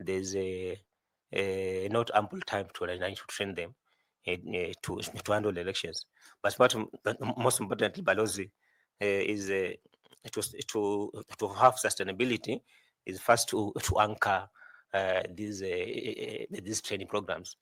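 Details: 41-year-old male who says he stammers a lot, speaking in a selection panel interview; stuttering.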